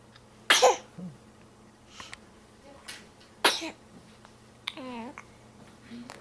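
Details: Newborn about 12–13 days old sneezing: two sharp, explosive bursts with small fussy sounds between, fitting infant sneezes.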